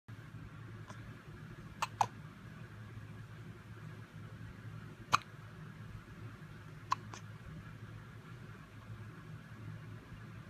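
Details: Several short, sharp hiccups, some in quick pairs, against quiet room noise; ordinary hiccups.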